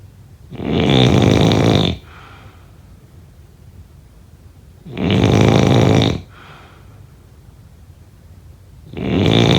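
Loud, rough, rattling snores on each in-breath, about 14 a minute, each followed by a soft exhale and brief quiet; typical sleep snoring.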